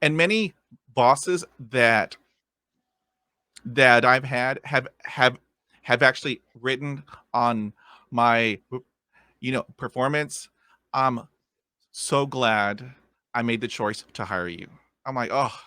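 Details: Adult male podcast host who stutters, with word repetitions audible; stuttering.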